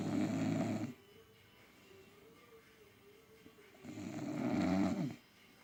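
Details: Loud, deep, throaty snores from a sleeping bulldog, separated by a quiet stretch with a faint whistling breath; snoring.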